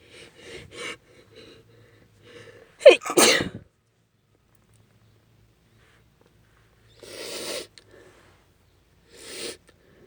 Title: Desperate sneezing fit (F)